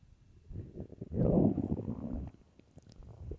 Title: empty stomach growls